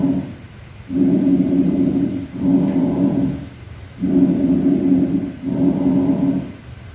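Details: Bronchial breath sounds.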